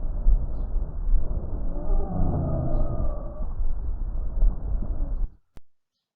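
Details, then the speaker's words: Stethoscope breath sounds with a clear high musical whistle on breathing out, sometimes seen in asthma and audible even without a stethoscope; wheezing. "o escucharon está bien claritos el silbido eso decidí lancia generalmente suele pasar a veces en las personas con asma"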